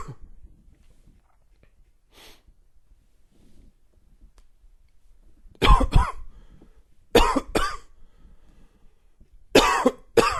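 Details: Dry, wheezy cough: three short bursts of dry coughing, two or three coughs each, with a faint wheezy tone, in a quiet room.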